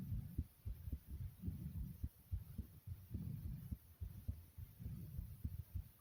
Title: Fast Pounding Heartbeat Sound ❤